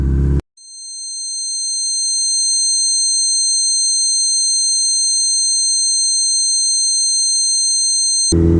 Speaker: imagine living with that noise all day long, every day of your life. You try to go to sleep, there's no silence for you. It's just that constant noise, that constant ringing.